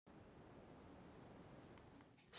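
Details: Simulated tinnitus for a report on tinnitus treatments: a steady, piercing, high-pitched tone lasting about two seconds, imitating the ringing heard in tinnitus.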